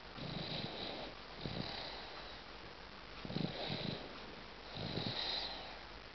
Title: 8 months old baby snoring.AVI